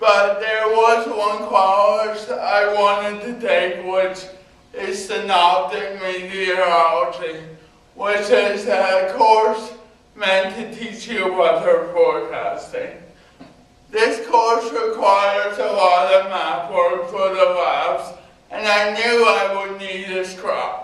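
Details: Adult man with cerebral palsy giving a talk about his own life; dysarthria (cerebral palsy).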